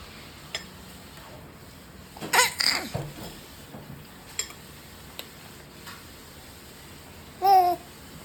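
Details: 4-month-old baby in a quiet room making soft noises, a burst of vocalizing, then a brief high-pitched squeal; ordinary infant vocal play.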